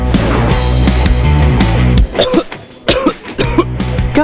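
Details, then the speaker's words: Acted adult in a 30-second TV advertisement for a cough remedy: several loose, chesty coughs over loud background music, portraying a productive cough with phlegm. "batuk berdahak dengan OBH Combi formulanya efektif redakan batuk berdahak"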